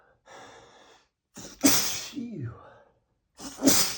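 A sharp in-breath followed by a loud explosive sneeze, then the start of another; ordinary sneezing.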